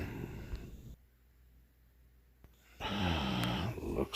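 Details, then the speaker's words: Adult woman snoring during sleep at night: low rattling snore on an in-breath after a quiet pause, with a rough vibrating flutter; loud repeated snoring. "Oh my god. Look at her. Still snoring away. Oh man, oh man. Oh jeez, another night."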